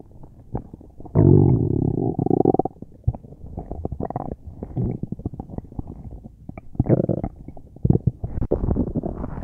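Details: Loud, irregular gurgling and rumbling bursts of varying length; loud bowel sounds (borborygmi), gas and fluid moving through the gut.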